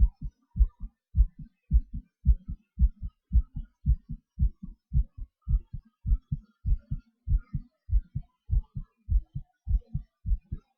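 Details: Person's own heartbeat recorded during breath-holds, panting and hyperventilation: clear paired heart sounds at roughly 100 per minute with the rate shifting; normal heart sounds with rate changes.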